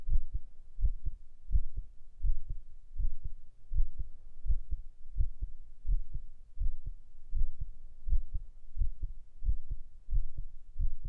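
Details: Steady, deep, regular lub-dub heartbeat at about 85 beats a minute with a soft hum behind it; normal heartbeat, binaural ASMR recording.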